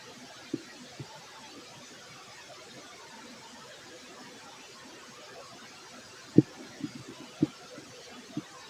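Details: Scattered low gurgles and pops from a fit adult male's abdomen after a large meal of rice and chicken; ordinary digestive bowel sounds (borborygmi).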